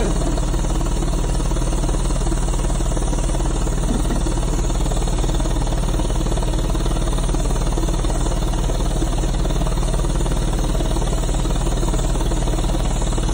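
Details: High-frequency chest wall oscillation vest on a pulmonary hypertension patient, inflated and running for airway clearance: steady low, rapid mechanical pulsing and rumble. Treatments every 2 hours during a 7-week unexplained illness; the vest is loose after weight loss.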